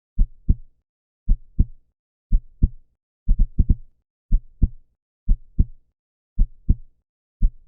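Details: Human heartbeat sound effect, stated 125 beats per minute: clear paired lub-dub thumps repeating steadily, with one quick extra pair midway; normal heart sounds.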